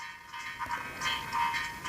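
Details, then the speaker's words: Music processed to simulate cochlear implant hearing: thin, tinny and hollow with the bass stripped away, hearable but not appreciable. "which is hearable, but it's maybe not appreciable. It's tinny, it's hollow, it's not what you and I hear if you listen to that piece of music."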